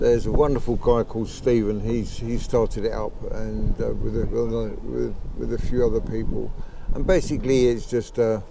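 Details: Late-onset neurogenic stammering in a man aged about 63, developed at age 63 about 15 months earlier, thought to be related to his Parkinson's disease of 15 years; worse when emotional, excited or talking fast; sees a speech therapist.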